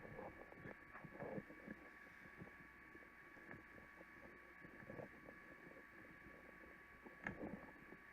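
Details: Stomach growling recorded with a microphone taped to the abs of a fit, healthy person: irregular gurgles and rumbles over a steady hum; normal bowel sounds.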